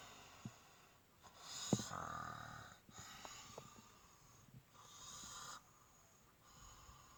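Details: Soft, irregular snoring breaths with nasal whistling and snorts in a quiet room; ordinary snoring during sleep.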